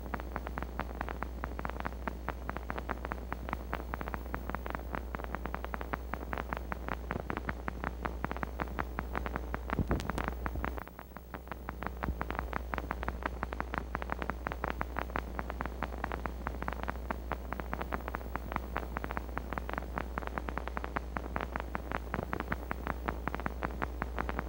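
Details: Needle EMG teaching example: dense, fast crackling clicks like raindrops on a tin roof; fibrillation potentials from denervated muscle, many firing at different regular rates so sounding irregular.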